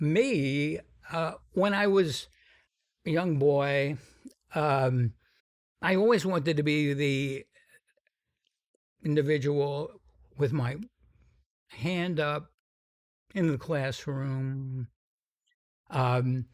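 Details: Stuttering in an adult man described as having a pretty strong stutter, more than almost any other guest; he says its severity varies.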